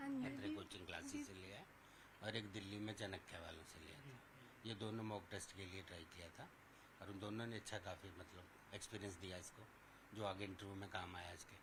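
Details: Adult speaker, low-pitched voice; ordinary speech.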